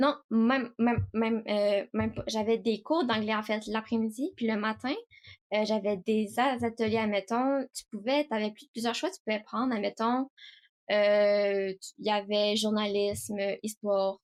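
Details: 18-year-old woman who stutters, speaking French; stuttering.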